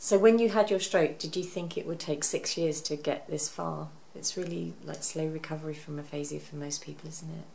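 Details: Adult interviewer; typical speech.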